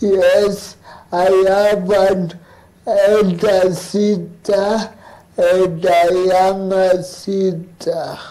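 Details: Adult male cerebral palsy advocate who has lived with cerebral palsy, interviewed remotely; dysarthric speech in cerebral palsy.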